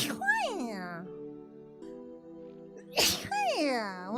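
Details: Female VTuber sneezing repeatedly during a Getting Over It livestream: two sharp sneeze bursts, each followed by a high squealing voiced sound, soft music behind; sneezing.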